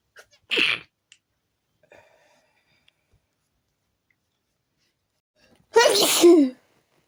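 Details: Habitual sneezing attack, not relieved by changing rooms: two forceful sneezes a few seconds apart, separated by faint sniffs, in a quiet room; part of a repeated sneezing fit.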